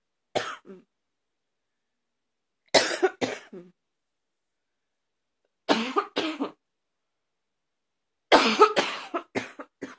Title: #72 Barky cough